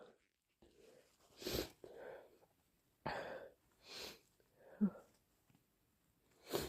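Soft repeated sneezes mixed with nasal blowing and sniffing, quietly recorded, fitting hay fever.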